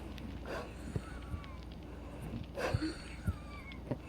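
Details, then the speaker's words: A female patient is out of breath with chest tightness after brief exercise. Two heavy breaths are each followed by a faint high whistling tone: wheezing. "See, it's still wheezing. I told you. Shh, no more talk. Let me hear it. Yeah, I can hear a tightness of chest now."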